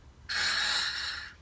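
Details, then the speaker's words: One steady, hissing inhalation about a second long: a pilot breathing through the aircraft's ceiling-deployed oxygen mask in a TBM 900, demonstrating the sound. "plants down 34s believe he's on that sound it's just me breathing"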